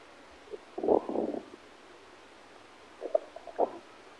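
Low gurgling rumbles in two bursts against quiet background; ordinary stomach growling.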